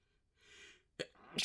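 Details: Short little sneeze fit: a soft indrawn breath, a sharp sneeze burst, then a second breath and the start of another sneeze; sneezing.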